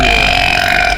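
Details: Loud, sustained, rough belch with a strong ringing tone, from a person burping while taste-testing drinks.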